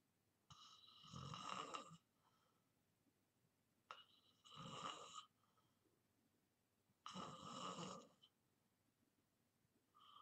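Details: Person in deep sleep, recorded as white-noise ASMR, snoring: loud rattling snores on each in-breath, about three in ten seconds, roughly 18 to 19 breaths a minute.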